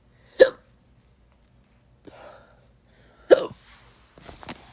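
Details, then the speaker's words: Recurrent hiccups, fourth episode of the day, in a young person whose doctor said they'd resolve after puberty; two sharp, abrupt voiced gulps about three seconds apart with soft breathing between. "you know this is the fourth time I've had hiccups today and I'm crying about it because but it's not that fun"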